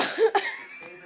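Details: Cough.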